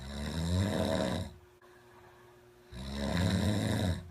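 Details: A friend's snoring in a true story: two long, loud, rough snores on breathing in, separated by a quiet pause, with the low rumbling throat vibration of heavy snoring.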